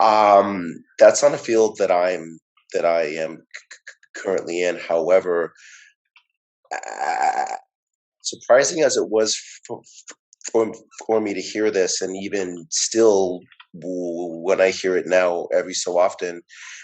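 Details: Audience member who identifies as a person who stutters, with audible repetitions and fillers; stuttering.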